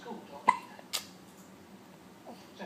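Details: One-month-old baby with head up, hiccuping: two brief, abrupt voiced catches about half a second apart in a quiet room.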